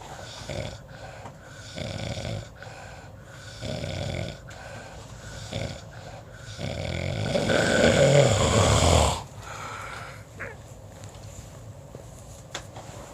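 Rough rattling breath sounds recur about every two seconds, with one longer, louder snore near the end. Typical snoring.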